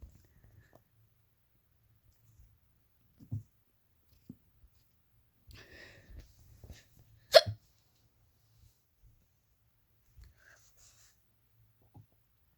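Several brief, sharp catches of breath with one louder hiccup in a quiet room, spaced a few seconds apart: hiccups.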